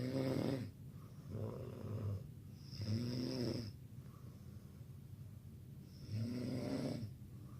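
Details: Person snoring during sleep, snores every night: loud rattling snores on each in-breath, roughly every two to three seconds, with quieter breathing between them.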